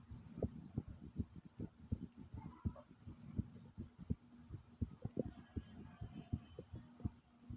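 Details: Loud, fast heartbeat, with the stomach growling along with it; a rapid, forceful heartbeat.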